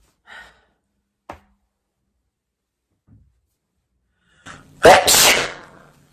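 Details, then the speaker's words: One loud, explosive sneeze near the end after soft breaths building up, from a compilation of people sneezing while talking. "Oh my gosh, I'm about to sneeze."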